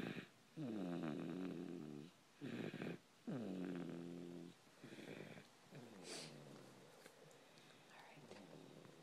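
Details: Sleeping, tired baby boy: several low, buzzing snoring breaths about a second long, softening toward the end, faint room noise; infant snoring.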